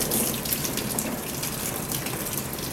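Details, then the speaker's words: Steady gushing and trickling as water, food and hopefully lead pieces drain back out through a lavage tube from a lead-poisoned Trumpeter Swan tilted head-down; heart rate and breathing are watched. "And then things are going to start coming back out, including hopefully the lead pieces."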